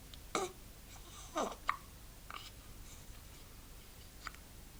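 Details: Soft, abrupt hiccups at uneven intervals, about four in five seconds, over room hiss, from a 1-week-old infant hiccuping while trying to fall asleep.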